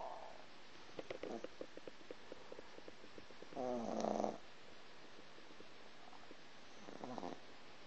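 Quiet rapid fluttering breaths with brief louder snorting rumbles from a sleeping puppy: snoring during dreaming.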